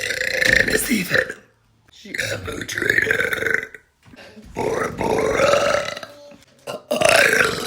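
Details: Girl's voluntary burping: several long, loud, rumbling belches in a row with brief pauses between them.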